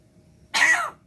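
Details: A single short, harsh cough-like burst from a pet myna bird imitating a human cough, not a sign of illness.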